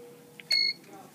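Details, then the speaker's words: LVAD controller alarm: short steady high-pitched beep when a battery is removed during a battery change; red heart symbol shown because no pump is attached, in patient LVAD training. "no this is going to alarm what is this alarm what is that red heart what does it mean it means and this is red heart because there's no pump attached right"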